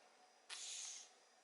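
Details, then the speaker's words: Sick coastal carpet python under vet-directed care, after its mouth was cleared of gurgling discharge: a single smooth, high-pitched exhalation hiss without gurgling or crackle, judged a clear airway. "that sounded good that was a clear airway cool yeah not very glamorous"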